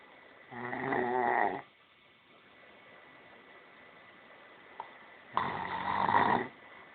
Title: horlama (snore)